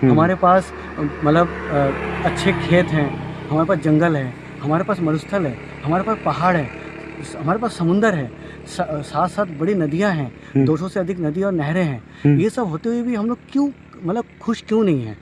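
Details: Adult man speaking Hindi outdoors; Normal speech.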